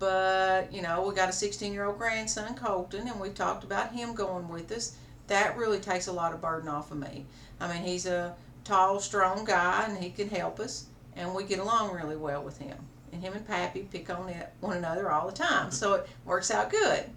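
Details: Adult woman; healthy speaker.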